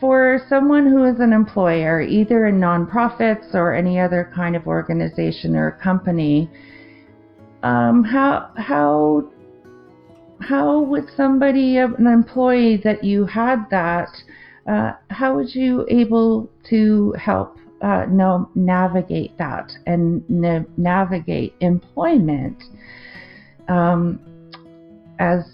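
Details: Adult woman with a 2023 stroke affecting the left-brain language centre, with word-finding difficulty, confusion with words, trouble forming sentences and non-fluent speech; aphasia after stroke.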